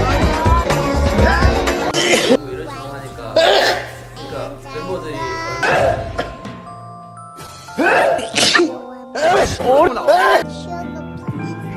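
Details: Several short, sharp sneeze bursts from an adult (V of BTS), partly masked by music playing throughout.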